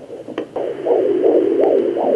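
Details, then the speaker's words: Fetal heartbeat on a home Doppler at 18 weeks of pregnancy: fast, regular whooshing pulses at about 150 a minute, distinguished from the mother's heartbeat and placental sounds; normal finding. "that's definitely baby's heartbeat so I hope that helped you determine the difference"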